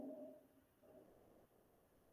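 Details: Diminished breath sounds.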